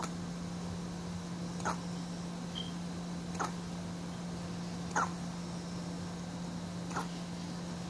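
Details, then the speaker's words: Infant (baby girl), sleepy, with hiccups: soft, brief hiccups about every 1.7 seconds, four in eight seconds, over a steady background hum. "You have hiccups, baby? You have hiccups? Huh? You have hiccups?"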